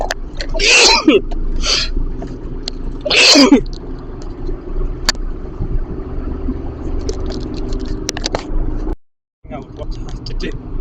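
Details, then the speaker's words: Adult with pet allergy, no antihistamines after a dog-filled house, sneezing uncontrollably while driving on the motorway in slowing traffic: three forceful sneezes in quick succession over road and engine noise; allergic sneezing. "this is quite dangerous I can't help sneezing the cars are slowing down in front of me"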